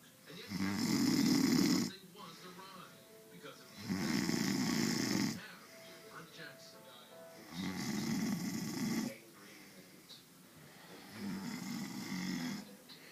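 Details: Four long, loud, rumbling snores at regular intervals with quieter breathing between, about 16 breaths a minute; ordinary snoring.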